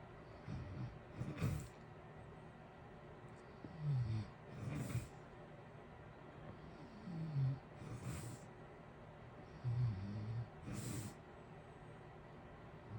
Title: natural snoring ambience with heater white noise in the background blue wavey lights. Sleeping good